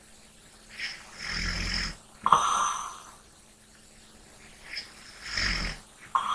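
Two slow breathing cycles, each with a rough, rattling snore on the in-breath and a softer breath out, about 20 breaths a minute.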